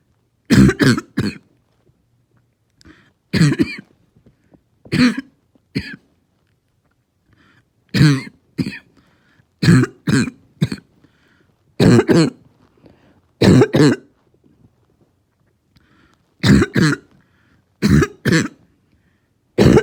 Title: Barking Cough